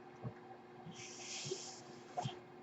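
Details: A soft, rushing hiss of air swelling and fading over about a second: one breath delivered by the speaker's own mechanical ventilator, audible while they talk.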